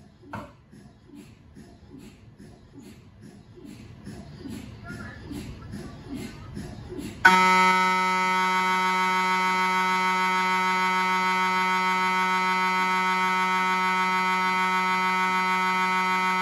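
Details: Loud steady electronic buzzing drone after soft rapid tapping: MRI scanner sequence noise recorded inside the scan room of a GE Healthcare 1.5T or 3T MRI system, normal scanning sound.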